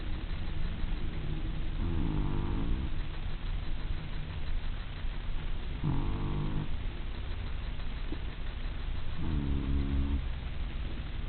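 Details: Snoring: three rumbling snores about every four seconds, roughly 15 breaths a minute, over a steady low hum.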